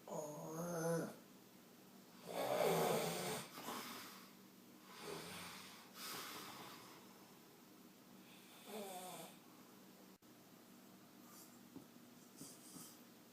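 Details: Adult man snoring loudly during overnight sleep: loud, rough snores on inhalation about every three seconds, with softer breaths between, in a quiet room.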